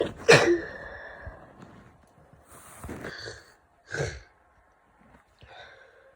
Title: Day 2 of this nasty cold lots of sneezes and sniffles